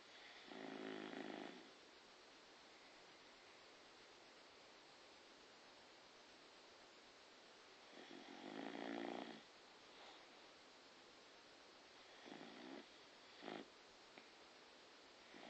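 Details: Rasping snores on in-breaths, spaced several seconds apart, with a short double snort near the end, over a steady background hiss: snoring.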